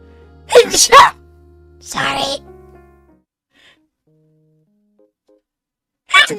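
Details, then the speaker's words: Sneezing from a streamer, from a sneeze compilation: several loud, explosive sneeze bursts, one a double, with a short voiced sound after and a final burst. The sneezer then says she sneezed again. "sorry sneezed it again I sneezed it again"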